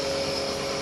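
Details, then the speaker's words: Compressor nebuliser switched on at its on/off button after filling the chamber with prescribed solution and connecting the tubing: a steady loud mechanical hum with a constant whine; compressor nebuliser running. "और यहां पे on off का button है उससे on करेंगे तो ये nebulisation start हुआ"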